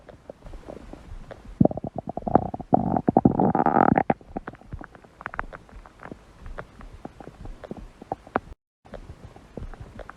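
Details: Hungry dog's stomach growling: rippling gurgles swelling into a loud, drawn-out rumbling growl, then fading to scattered bubbling.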